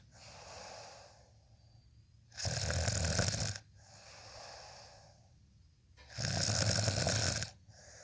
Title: happy early "27 snores" birthday!! 🎂 🤗